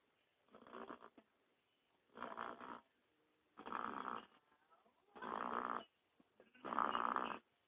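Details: Pet only a few months old snoring while asleep: five rattling, nasal snores at about 40 a minute, separated by near silence.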